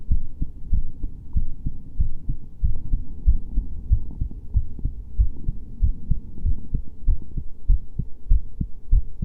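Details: Regular low thumping heartbeat at roughly 95 beats a minute with a soft background rumble; a heartbeat recording.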